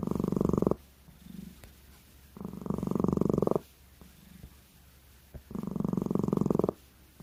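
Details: A sleeping pet cat snoring, with three long, rough, fluttering breaths about two seconds apart and quieter exhales between.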